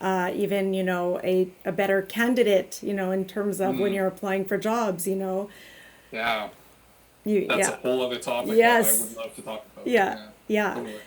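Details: Adult speaker in conversation; typical speech.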